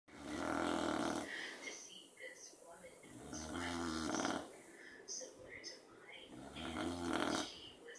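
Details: Beagle snoring during an afternoon nap beside a dachshund that it keeps awake: loud rattling snores with quieter breathing between them.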